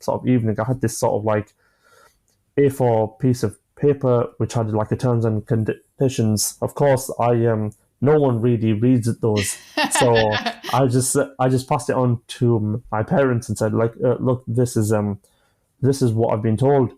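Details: Adult man, 25, with a stammer since early childhood (onset at about age 5-6, after an asthma attack), who manages blocks with breathing techniques and pausing; stuttering (stammering).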